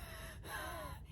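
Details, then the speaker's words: Adult woman with ankylosing spondylitis and COPD (non-smoker), on frequent steroids, wheezing audibly while talking: a short breath with a thin, whistling, falling tone from narrowed airways; she has breathing issues almost every day. "all times you probably hear me and my videos wheezing a little bit or maybe I just opened up a can of worms so you can hear it now so I have issues breathing almost every day"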